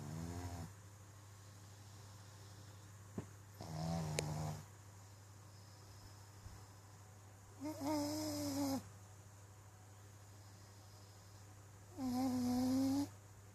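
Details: Sleeping pug snoring: four snoring breaths, some rising into high whistling tones, over a steady low hum at about 14 breaths a minute.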